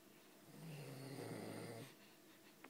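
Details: Man (father) snoring: one low, buzzing snore lasting over a second on inhalation, then quiet exhalation.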